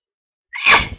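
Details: Hay fever (allergic rhinitis) sneezing at night that kept the person from sleeping, with an itchy, tickly nose: a single sharp sneeze after a brief indrawn breath.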